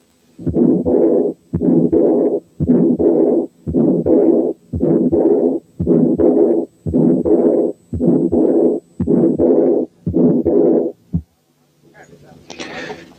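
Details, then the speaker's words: Combined aortic stenosis and aortic incompetence (double aortic lesion), given as a quiz against patent ductus: harsh rushing to-and-fro murmur nearly filling each cycle at about 57 per minute. "دي كانت combined aortic stenosis and aortic incompetence عاملة to and fro murmur."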